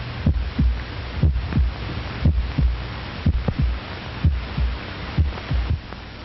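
Regular paired lub-dub heart sounds at about 60 beats a minute over low hum and hiss, a normal heartbeat.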